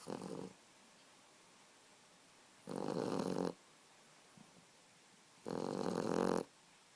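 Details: Sleeping boxer puppy snoring: regular snores about three seconds apart, roughly 21 breaths a minute, in a quiet room.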